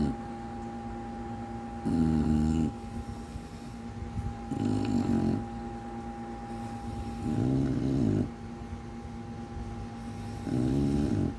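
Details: Regular rumbling, human-like snores about every three seconds over a steady background hum, from a sleeping English bulldog.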